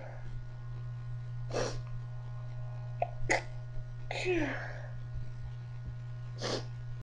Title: 8 Half Stifles Sneezes